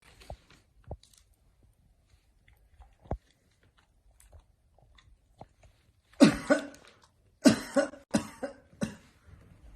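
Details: Adult man feeding his dog gives a short run of about four harsh, voiced coughs after soft clicks and chewing sounds in a quiet room; the dog then brings him a mask. A plain cough.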